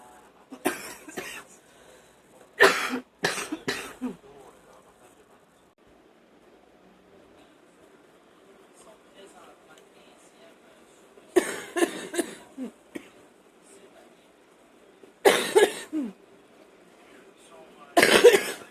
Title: # 33 watching tv and coughing up a storm